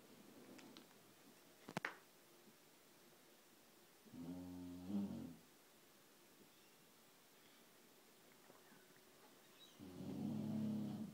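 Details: Female Shar Pei dog asleep early in the morning, sucking in the curtains as she breathes: two slow, humming, buzzy snores about six seconds apart in a quiet room; snoring.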